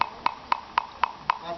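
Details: Horse hoof percussion: six quick, even taps of a metal pick across the hoof wall, each a short solid knock with no hollow ring. A normal dull hoof percussion note.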